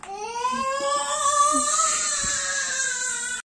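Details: One long, loud, sustained wailing cry from a young child being scolded by a parent; an ordinary upset cry.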